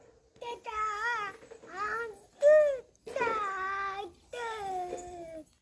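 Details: Deaf child with a 99 dB hearing loss who did not speak before and now uses one- to two-word sentences after parents followed a therapist's home-talk guidance, repeating a phrase on request; speech of a child with profound hearing loss.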